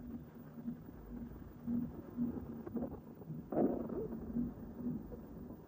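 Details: Stomach noises recorded without a microphone the morning after a stuffing session: soft, low gurgling and bubbling with a louder rolling gurgle midway over faint room hiss; borborygmi.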